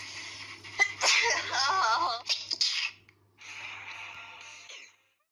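A sharp burst of sneezing with a drawn-out voiced tail, then a softer breathy exhalation; an ordinary sneeze.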